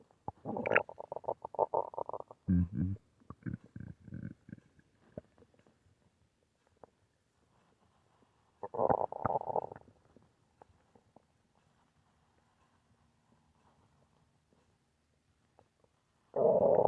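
Gurgling, rumbling stomach noises come in irregular bursts separated by quiet pauses, typical ordinary bowel sounds.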